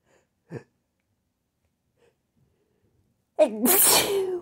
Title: Teasing induced sneezes, buildups, and attempted stifles